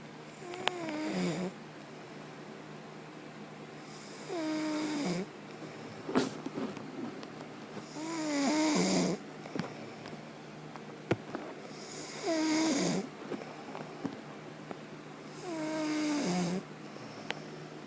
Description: My bee hotch was starting to snore a little.... So. I stopped it. Lol.